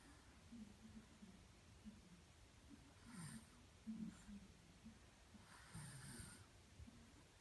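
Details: Sleeping toddler snoring with soft, low rumbling breaths and a few louder snorting breaths over steady background noise.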